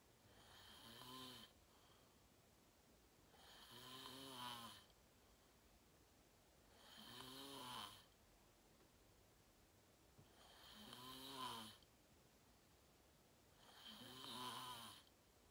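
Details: Self-recorded sleep video, fell asleep at 8:45 in deep REM sleep, tagged sleep apnea: regular rumbling snores on each in-breath, about 18 a minute, with quiet gaps; loud snoring.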